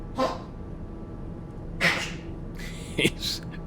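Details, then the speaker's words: Pomeranian dog with a collapsing trachea, currently inflamed, giving three short, harsh, noisy coughs over a steady room hum. "And apparently, I didn't know this, but uh one of the common ailments for Pomeranians is a collapsing trachea is what they call it. And so, that's what he has."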